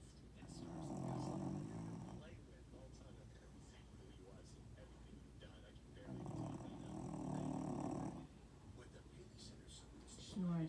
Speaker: There you go snoring again. Yeah, I'm talking about you.